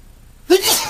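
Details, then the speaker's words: Adult male with hay fever from pollen, during a long run of sneezing; a single loud explosive sneeze after a brief quiet intake: allergic sneeze. "Only can imagine what it's like to have this kind of allergy and do this amount of sneezing."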